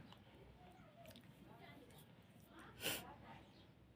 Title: Feather Inducing sneezes .